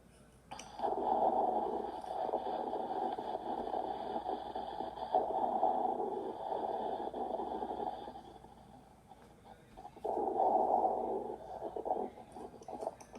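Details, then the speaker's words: Coarse crackles on a lung-sound teaching recording, attributed to fluid in the alveoli: bubbling, gurgling crackles running through each breath. "And here's some more. This is coarse crackles."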